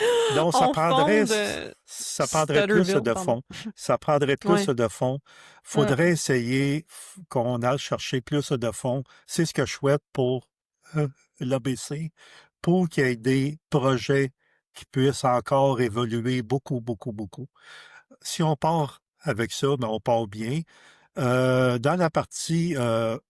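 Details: Stuttering in an adult man who stutters, a member of a stuttering association, speaking French.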